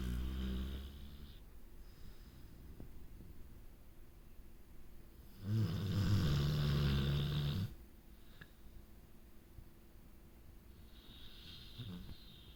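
A single loud, low rattling snore rises out of quiet breathing in a small room; a dog snoring.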